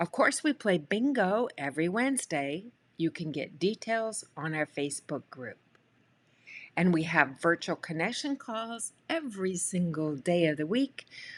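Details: Adult woman speaking; normal speech.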